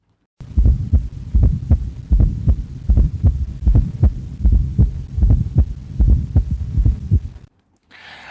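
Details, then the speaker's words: S4 gallop rhythm: regular heartbeat with an extra soft late-diastolic (presystolic) S4 sound just before S1, followed by S2. "То есть будет это звучать так: та-та, та, та-та, та, та-та, та, та-та - это S4S1. И потом та - это S2. Давайте мы послушаем, как это звучит в жизни."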